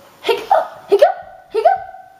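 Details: Three short, sharp voiced catches about every 0.6 seconds, each followed by a brief vowel, during a family discussion of children's hiccup remedies; hiccups.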